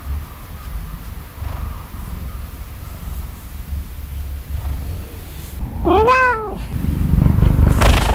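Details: Male cat sleeping under the covers beside the owner: low, steady rumbling purr with a brief meow partway through; content, sleepy purring.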